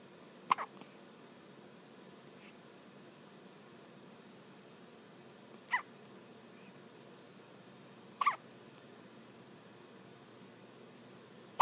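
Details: Pet with hiccups: three brief sharp hiccup sounds, irregularly spaced, over steady room noise.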